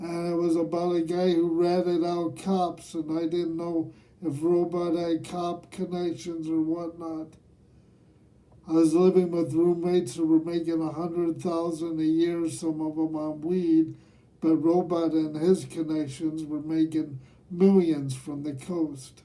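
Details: Dysarthria in a man aged nearly 67 who has lived with cerebral palsy, speaking himself.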